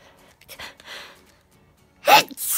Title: - A Compilation Of Some Sneezes From The Last Few Weeks